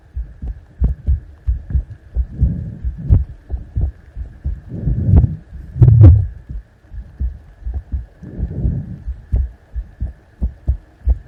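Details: Simulated ASMR heart sound: a steady low lub-dub heartbeat with louder rubbing and scratching ear-picking noises over it and a faint hum.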